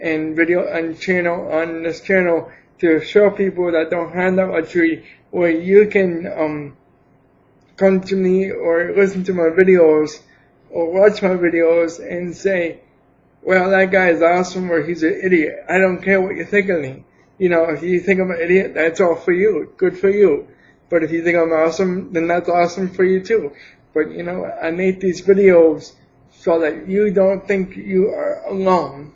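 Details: Adult man with cerebral palsy for 28 years, attributed to lack of oxygen at birth; could not speak as a baby, later began talking; speaks without an assistive device; also diagnosed with diabetes; dysarthric speech in cerebral palsy.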